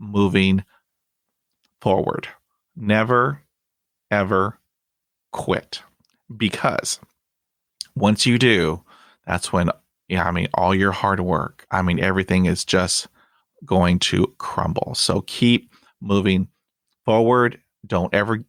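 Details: Stuttering in a 29-year-old bilingual Spanish-English man born in Venezuela; he is currently in speech therapy, practises by talking to strangers, and reports no other family members who stutter.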